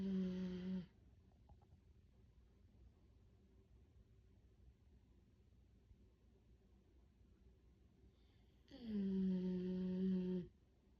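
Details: Two long, buzzing, droning snores separated by a quiet pause from a sleeping dog, tagged as a black Labrador; snoring.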